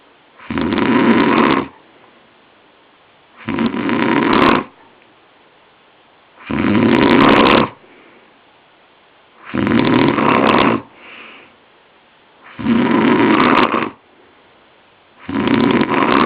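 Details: Man later diagnosed with chronic sleep apnoea, snoring during sleep with his rattling double snore: loud, harsh, regular snores at about 20 a minute, each over a second, with near-silent pauses between them.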